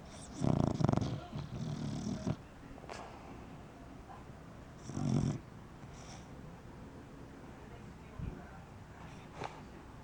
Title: Sleeping Snoring Dog